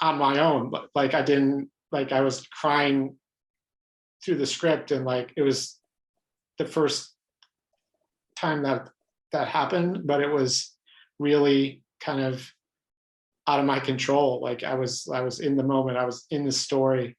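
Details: Adult man who stutters, pattern described as mostly blocks, speaking spontaneously in a real interview; stuttering with blocks.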